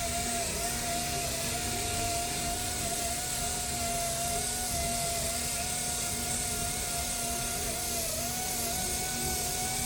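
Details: Dental polishing handpiece during a young girl's first dental cleaning, permanent molar possibly erupting, after bleeding gums: steady high motor whine with slight pitch wobble.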